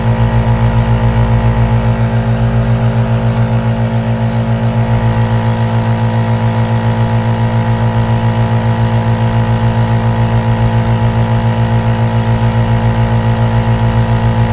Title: ASMR AEROSOL NEBULIZER SOUNDS 💦 BEST 3D WHITE NOISE for Relaxation | Sleep | Meditation